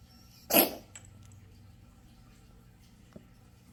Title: Kitten coughing / sneezing